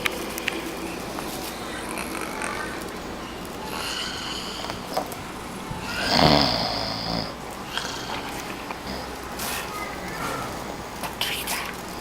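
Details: Person asleep and snoring: one loud, rough snoring breath in against steady background noise, with fainter noisy breathing around it.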